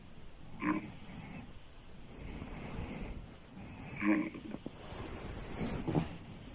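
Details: Loud, harsh, grunting open-mouth snoring with snorting catches from a female sleeper, about every few seconds over room hiss.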